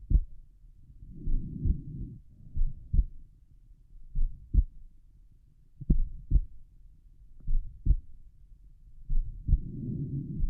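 Soft, low heart thumps under some rustle and hum, a slow relaxed rhythm; ordinary heart sounds over the upper left chest.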